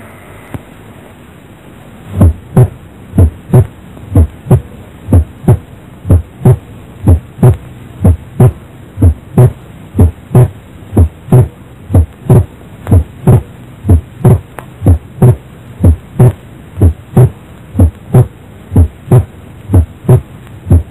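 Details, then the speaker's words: Heart auscultation teaching recording: the two components of the second heart sound move further apart when the patient breathes in: physiological splitting of the second heart sound. "ngược hai thành phần của tiếng thứ hai tóc đuôi càng xa nhau khi bệnh nhân hít tay vào đây là đặc điểm quan trọng"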